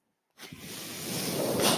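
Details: After a brief silence, a steady rising rush of air builds and swells: the speaker's own mechanical ventilator delivering a breath, which he points out while talking in a podcast recording.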